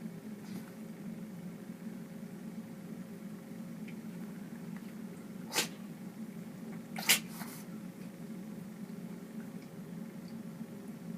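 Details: Dog sneezing: two short, sharp nasal bursts over steady room hum.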